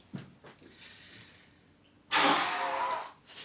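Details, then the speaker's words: Adult man with chronic asthma, worsening airway irritation since flu eight weeks ago and expired medicine, standing at GP visit: quiet breath in, then one sharp hard fast forced exhalation into a peak flow meter, reading 570. "do you remember how to do this peak flow yeah so hard and fast flow please oh my goodness me that's good 570."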